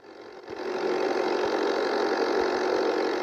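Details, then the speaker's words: Nebulizer compressor whose sound is used to fall asleep: steady mechanical hum with fast rhythmic rattle building up in the first second. "desde pequeño los sonidos en un nebulizador o sea ya me hacían dormir"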